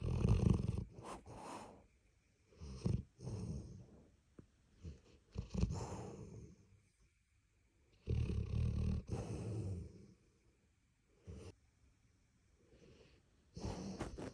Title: Snoring dog, weird sleeper 😅 #dogs #labrador